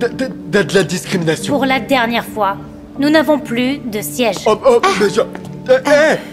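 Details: Young man who stutters, speaking French to a woman at a speed-dating session in a film excerpt; stuttering said to worsen with emotion, e.g. talking to a woman; stuttering.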